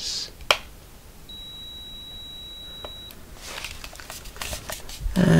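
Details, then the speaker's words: Simulated audiometer pure-tone test beeps at 4,000 Hz in an ASMR medical-roleplay hearing test, each ear tested in turn. "और हम अंतिम जांच के लिए यहां 4,000 हर्ट्ज़ पर जा रहे हैं और बस इतना कहेंगे कि क्या"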